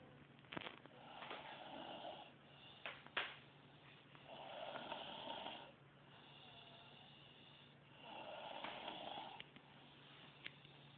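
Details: A girl snoring in her sleep: three slow, rough, rattling snores on breathing in, about 15 breaths a minute, against steady room hum.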